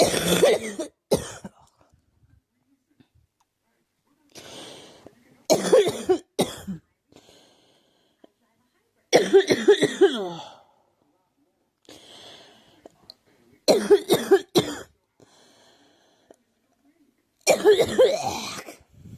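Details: Girl who thinks she is getting a cold, with a scratchy, sore throat: five bouts of two to three dry, harsh coughs with quiet pauses between them; cough with a common cold.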